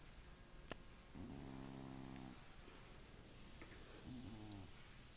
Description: Carver the Cat snores and keeps his friend Chief, the Rottweiler from a sound sleep. We think he has sleep apnea.